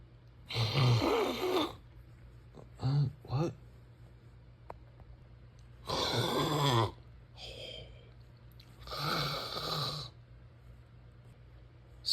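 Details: Snoring: rough, snorting breaths in uneven bursts with short gaps, some choppy and voiced.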